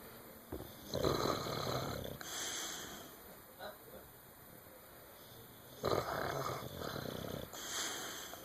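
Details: Snoring: noisy, rough breaths in and out with soft snorting at the start of each breath, two cycles in eight seconds.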